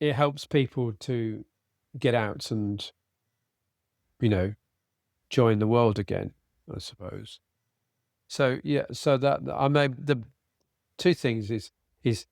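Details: Adult man with aphasia after a sudden stroke, treated with speech and language therapy; still has word-finding difficulty, cannot read a script, and tires as the day goes on; aphasia.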